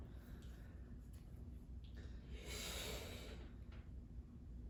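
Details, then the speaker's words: A patient's steady, hissing inhalation of about one second through the mouthpiece of an incentive spirometer, trying to raise the puck to a set goal level during a nursing respiratory assessment, over a low room hum. "it's called instant because you inhale and it's got a little puck on when you inhale that puck it's going to go up and we set a goal level okay and that's what we want you to get to okay go ahead and try"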